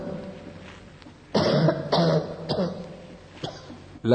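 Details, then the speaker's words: Several harsh, rough cough bursts with a hoarse, barking quality; a bronchitis cough that takes on a hoarse, croupy character when laryngitis and pharyngitis occur at the same time. "Se esistono contemporaneamente laringite e faringite, la tosse da bronchite può assumere un carattere acustico roco-crupale o anche sonoro-musicale."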